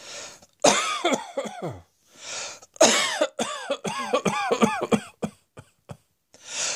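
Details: Two runs of repeated harsh coughs, about a dozen in all, separated by audible in-breaths; cough.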